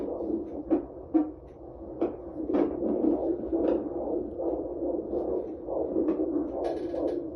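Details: Fetal Doppler ultrasound at 18 weeks of pregnancy at a birth center: rapid whooshing fetal heartbeat at roughly 140 beats per minute.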